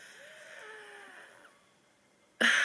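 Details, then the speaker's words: Faint musical whistling wheezes on breathing, then quiet and an abrupt loud rustle, in an adult woman in an ongoing asthma attack that began Thursday and is still present on Sunday, three days later. "Je suis toujours en crise d'asthme depuis jeudi. Je trouve que ça commence à faire long. On est dimanche."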